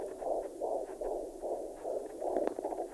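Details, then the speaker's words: Handheld fetal Doppler at 24 weeks of pregnancy, probe placed where the fetal shoulder was suspected: rapid, regular whooshing fetal heartbeat at about 150 per minute, a normal rate, distinct from a maternal pulse of about 77. "So right away, we found the fetal heartbeat sitting there at a nice 150."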